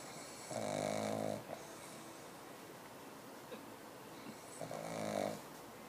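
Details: Pug lying down and falling asleep: two drawn-out, buzzing snores separated by quiet breathing over steady background hiss; dog snoring.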